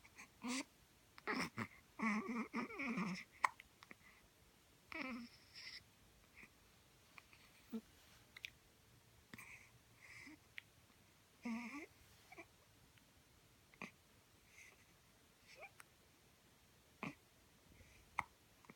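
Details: One-week-old newborn with hiccups: repeated brief hiccup sounds at irregular intervals, mixed with soft infant fussing and breathing in a quiet room.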